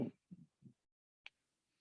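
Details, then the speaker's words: Rhonchi: short, low-pitched rumbling, snoring-like bursts over the chest, from mucus secretions or obstruction in the bronchi rather than alveoli, as seen in bronchitis, COPD, pneumonia and cystic fibrosis. "This one's described as a low-pitched rattling or rumbling, kind of like a snoring, located in the bronchi, not the alveoli here. So the patho is mucus secretions or obstruction."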